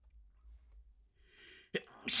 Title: Short Little Sneeze Fit